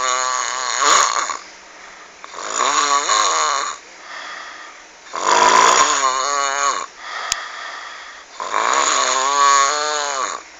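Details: Very loud, harsh, rattling snores on each breath, four in ten seconds, with quieter breaths between; heavy, frightening-sounding snoring.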